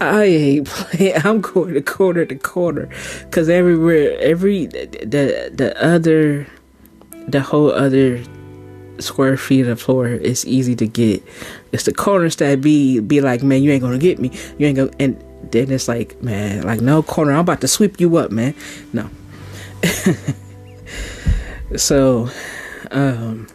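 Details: Stuttering in a podcast host reciting a poem; the host says stuttering tendencies began at a young age after childhood abuse, stuttered as a teenager and still mildly present; word and part-word repetitions.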